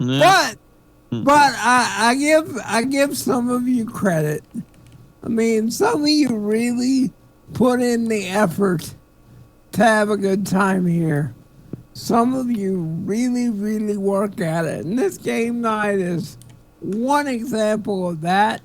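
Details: Adult male stand-up comedian with cerebral palsy; real dysarthria due to cerebral palsy.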